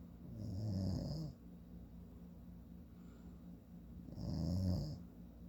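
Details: Adult man (father) snoring: two low, rattling inspiratory snores about four seconds apart, quiet breathing between; ordinary snoring.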